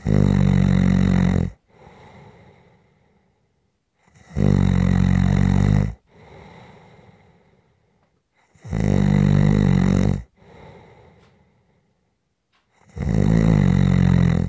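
Loud, rumbling snores on each in-breath with quiet out-breaths between, about 14 breaths a minute: heavy snoring.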